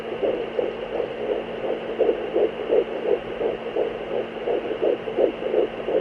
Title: Fetal Doppler Heartbeat